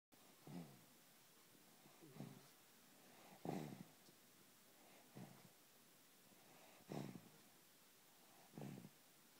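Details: Baby snoring like daddy: soft snuffling snores, about six in nine seconds, against quiet room noise.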